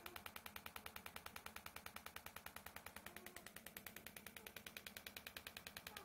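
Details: Extracorporeal shockwave therapy device firing rapid, very regular sharp clicking pulses, about 200 a minute, during treatment of the biceps femoris (hamstring) muscle chain in a patient with buttock pain.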